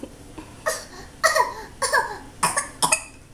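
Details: 20-month-old toddler playfully pretending to sneeze and cough: about five short, voiced coughs in a quiet room, acted rather than real.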